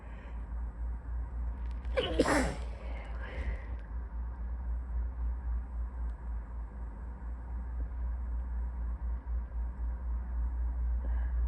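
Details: A very sleepy person's soft, drowsy sneeze with a small follow-up breath over a steady low hum.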